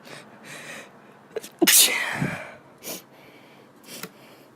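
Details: Female sneezing: a stifled sneeze, then a few sharp sneezes with an intake of breath before the loudest, followed by brief nose-blowing.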